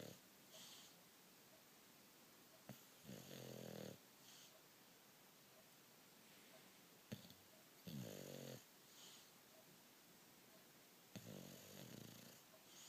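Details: Loud, rattling, fluttering snores on each in-breath about every 4 to 5 seconds from a bulldog sleeping soundly in a quiet room; snoring.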